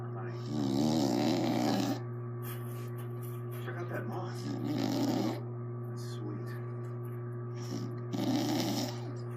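Three loud, rough snores in about nine seconds, roughly one every three to four seconds, over a steady low hum in the room.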